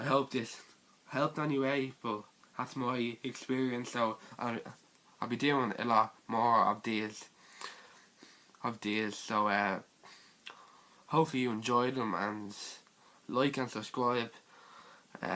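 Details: Teenage boy with stuttering.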